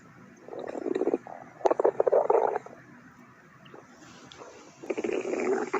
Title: Clover’s stomach growl(upset stomach)